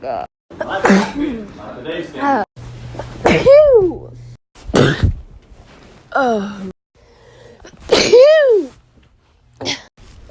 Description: my year full of sneezes